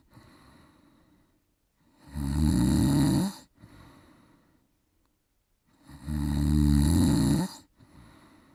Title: Tacolcy Snoring